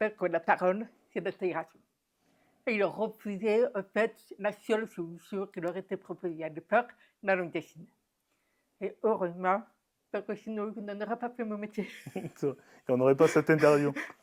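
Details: Deaf speech of a woman diagnosed deaf at 9 months, when doctors said she would never speak; she has never heard her own voice and learned to speak through about 20 years of speech therapy.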